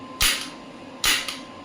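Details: Biotronix Solution Forever shockwave therapy device, used for musculoskeletal pain and tissue healing: two sharp, hissing snaps about a second apart as the applicator fires.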